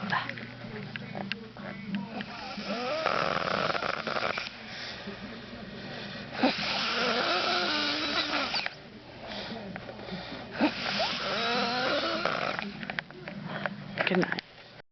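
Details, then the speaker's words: Female passed out drunk after hurting her toe, snoring: harsh, rattling snores with noisy, irregular breathing in a room. "She hurt her toe and smashed on the door and now she's snoring. This girl is passed the hell out and I can't wait to blackmail her with this video."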